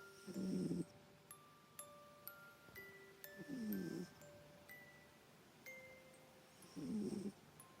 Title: Snoring fuzz ball